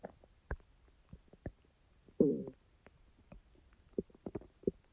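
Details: Soft scattered gurgles and clicks with one louder, longer growl midway after eating; normal bowel sounds (borborygmi).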